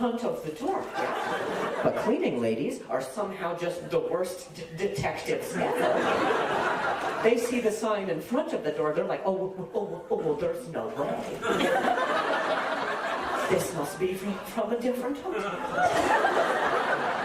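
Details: Stuttering in an adult male comedian who says hearing noises in his ear while talking makes him stutter; real, not acted.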